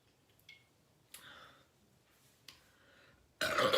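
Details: Girl burping after drinking two 12oz cans of soda: two drawn-out, rumbling belches a second or so apart, then a loud burst of noise; burping.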